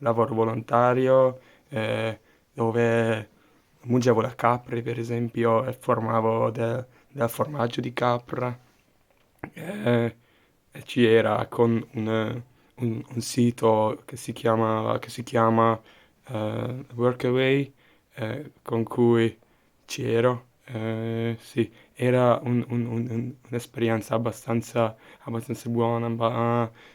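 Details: Adult Hungarian speaker talking in Italian as a second language, with audible word and part-word repetitions; finding: stuttering.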